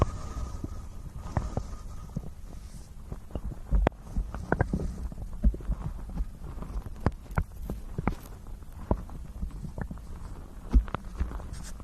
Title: Real Stomach Growling Sounds + 3D Ear Massage for Ultimate Calm